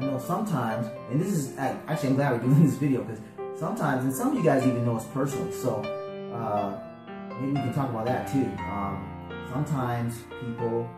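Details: Adult speaker; ordinary speech.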